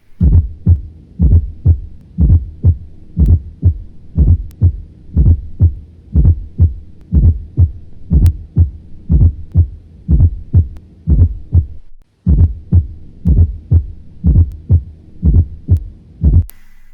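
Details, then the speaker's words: Stethoscope recording of a pathological fourth heart sound: regular low heart sounds near 60 a minute with an extra soft sound just before S1, an S4 gallop. "finalmente escuchemos el último arriba el cuarto"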